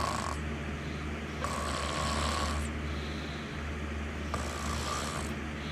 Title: Snoring sounds soothing